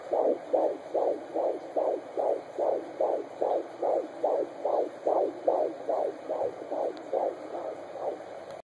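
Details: Fetal heartbeat at 15 weeks of pregnancy on an at-home Doppler, male fetus: rapid, regular whooshing pulses about 140 beats per minute, within normal range.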